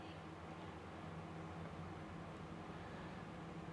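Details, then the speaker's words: Endoscopic ear microsuction removing a wax/keratin plug from around a small lump in the ear canal; continuous low rumbling suction noise with a steady hum. "that took a lot of scooping just because I didn't want to leave a lot tucked around that little that little lump in the ear canal there"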